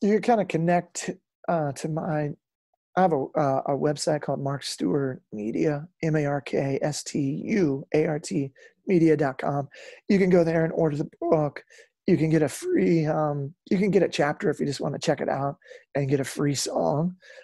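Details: Real adult male former lead singer with incurable spasmodic dysphonia that began at the height of his musical career; doctors could not fix it and it ended his singing career. He still struggles with it, and he says it is audible here. Spasmodic dysphonia.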